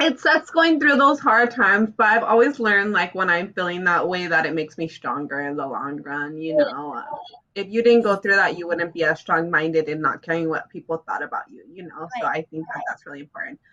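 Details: Adult woman speaking; ordinary speech.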